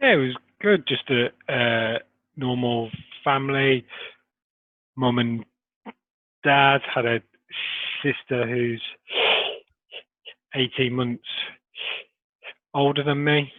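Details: Adult man who stammers; stuttering.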